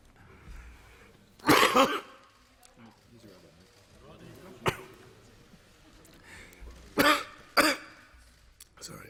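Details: Adult man breaking into a coughing fit while speaking in parliament about the coronavirus's economic impact, later advised to test for the virus and isolating; about six sharp, loud coughs in irregular bursts over nine seconds, faint room murmur; coughing fit.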